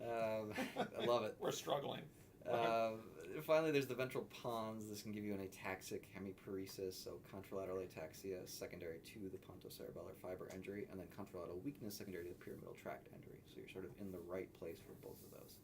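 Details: Adult male speaker; normal speech.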